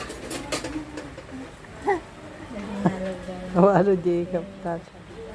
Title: BABY Hiccup SOUND#SHORT